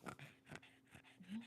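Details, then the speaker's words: 13-year-old female dog with a cough, taken to the vet and given medicine: several short, dry, snorting coughs in quick succession over a low hum. "13. She has a little bit of a cough. You can hear it there. So, I had to run her to the vet."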